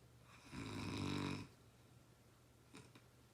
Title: Funny snoring